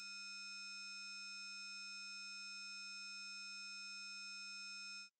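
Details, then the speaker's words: Steady, piercing high-pitched test tone lasting about five seconds, played through headphones to show that hearing declines irreversibly from age 18 and that parents cannot hear it: presbycusis demonstration. "dès l'âge de 18 ans l'audition commence à se dégrader et c'est irréversible la preuve écoutez ceci"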